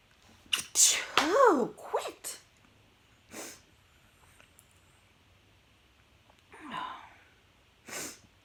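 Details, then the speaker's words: Tipsy adult eating pizza, angry and swearing, gives a forceful voiced sneeze with a rising intake and explosive release, then sniffs and a few softer breathy bursts; sneezing. "Oh, here we go. Here another fucking sneeze."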